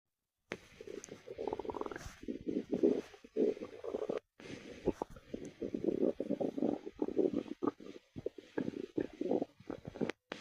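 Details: Stomach growls heard while listening to a person's belly: irregular gurgling and rumbling bursts with short gaps, normal gut activity; bowel sounds.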